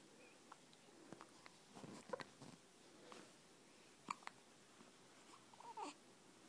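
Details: Soft babbling broken by a few quick, abrupt catches of breath from a 12-day-old infant: hiccups.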